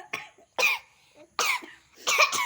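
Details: Four short, sharp, noisy bursts in quick succession with brief gaps during a sneezing challenge, with music in the background; cough or sneeze-like expulsions.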